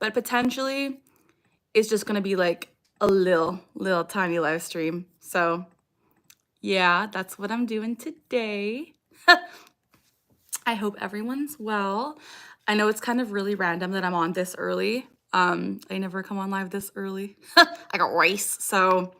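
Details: Young woman with Tourette syndrome; recurring vocal tic phrase picked up from an ex-boyfriend and persisting for years; Tourette syndrome vocal tic.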